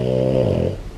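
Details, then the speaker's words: Exhausted pet dog, wide awake after a walk of over an hour: a single low, buzzing snore-like breath fading over about a second. "Bella is just so exhausted. Can you hear her? Bella, who snores wide awake?"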